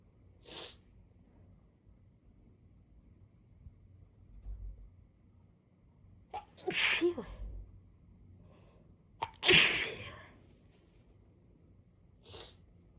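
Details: Congested adult with a blocked right nostril sneezing after using chhinkni snuff and sniffing the bottle: several sharp sneezes in a quiet room, each a sudden burst of hissing air, some preceded by a short in-breath.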